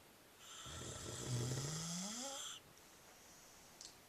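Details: A grandmother and grandfather snoring in unison: a single long, rattling breath sound with a low, rising vibration, then quiet room noise.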